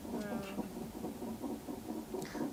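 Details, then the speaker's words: Fetal heartbeat on a monitor during a non-stress test in late pregnancy: rapid, regular whooshing pulses while the baby moves a lot, with no contraction felt at the moment. "Baby's moving a lot. What's the heart rate at, Kelly? The nonstress test monitors the baby's heart rate. The higher the better."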